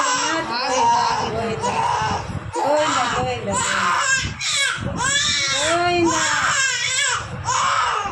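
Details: Two-month-old baby girl during ear piercing: loud, high-pitched screaming and crying in repeated bursts, adults soothing nearby; infant pain cry.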